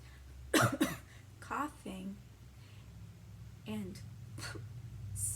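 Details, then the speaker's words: Short double cough, two sharp explosive bursts then softer voiced sounds in a quiet room, during a children's story about coughing and sneezing into the elbow to avoid spreading germs. "all people cough and sneeze coughing and sneezing can spread droplets and germs i can try my best to cough and sneeze into my elbow"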